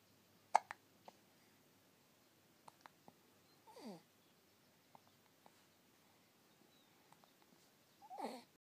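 Quiet, faint clicks and two soft squeaky voiced catches in a quiet room, consistent with hiccups.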